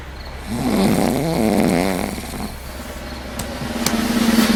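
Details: Simulated snoring acted for a comedy scene of a couple in bed: a loud, rattling, fluttering snore-like noise with a buzzing quality.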